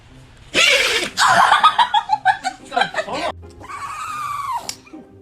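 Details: Dog's sneezing fit: a sharp burst followed by a quick series of squeaky snorting puffs, then a drawn-out whine.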